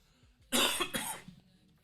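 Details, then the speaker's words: Adult radio host coughing during a live show, stated not to be a COVID cough: two quick, harsh, airy cough bursts, then quiet. "bluest state, that was not a COVID cough, by the way, the most sophisticated state in Illinois, not sophisticated state in Illinois."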